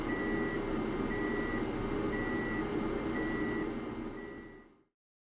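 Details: Class IV companion therapy laser on a bony dog's hip joint, held slightly above the skin, her third treatment: steady high beeps about once a second over a broad hum, fading out; therapy laser beeping.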